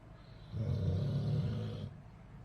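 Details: Ambull dog snoring like a human: one loud, low, rattling snore lasting about a second, with a deep throaty vibration.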